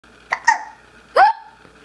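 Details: Hiccups that Eden laughs at: three sudden voiced gulps, the last with a rising squeak.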